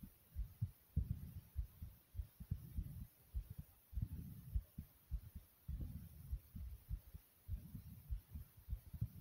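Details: Soft, deep, steady pounding heartbeat thumps over a low rumbling hum; a normal heartbeat.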